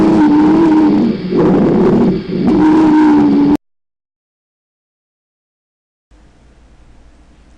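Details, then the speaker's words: Wheezes (sibilant rhonchi, dry rales) from narrowed airways: steady whistling, musical tone through breaths for about three seconds, then quiet and a brief noise; a teaching example typical of bronchial asthma. "iagnóstico de este signo lo constituye por excelencia el asma bronquial donde se combinan todos los elementos fisiopatológicos también se escuchan en otras entidades como la bronquitis aguda"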